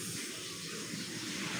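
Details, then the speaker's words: Manual sphygmomanometer and stethoscope blood pressure demonstration, with the cuff pumped to about 200 and then slowly loosened: a steady, even hiss of air as the cuff deflates. Readings were about 120–125 over 65. "এরপর এই জিনিসটা আস্তে আস্তে একটু loose করে দিবেন।"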